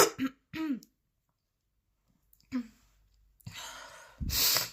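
A few harsh coughs and throat clearing with gaps between them, then heavy noisy breaths; a forceful persistent cough.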